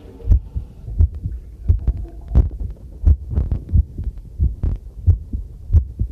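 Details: Own normal heartbeat recorded with a new field stethoscope microphone on its first trial while doing housework; steady low lub-dub at about 85–90 beats a minute, with running tap water and tableware clinking behind.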